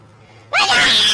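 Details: A person announces they need to sneeze, then after a quiet moment lets out one sudden, very loud sneeze, its tone altered by a voice-changer effect.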